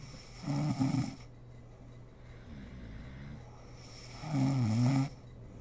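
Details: Two rough, rattling snores with a quieter breath between, from a sleeping mother in a quiet room; snoring.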